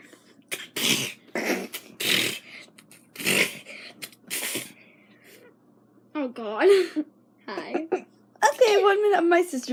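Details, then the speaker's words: Sister sneezing repeatedly all morning: a run of about five quick, noisy sneezes, then a few squeaky voiced sounds. "She's been doing this all morning. I have sneezes. Yeah. That one was just weird. Are you screaming or sneezing? Sneezing."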